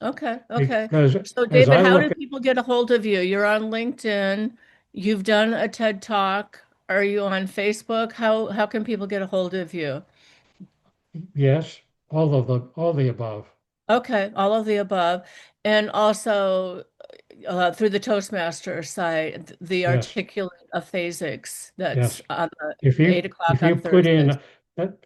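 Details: Two adults in conversation; conversational speech.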